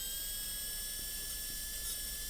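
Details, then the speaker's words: A high-speed dental handpiece gives a continuous high-pitched whine with a rushing hiss. It is finishing the lingual plane at a 45° angle around the corner of an MOD gold onlay preparation on a soft Kilgore preprepared typodont tooth, in a class demonstration. "Now, we need to finish the C plane. And so, we're going to finish it around the corner at a 45 degree angle like this."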